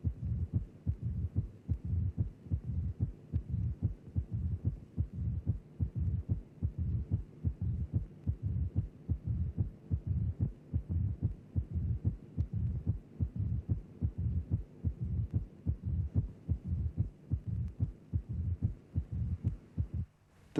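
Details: Mitral stenosis from a cardiac auscultation teaching programme: a loud first heart sound with a mid-diastolic murmur that follows the left atrial–left ventricular pressure gradient while the mitral valve is open.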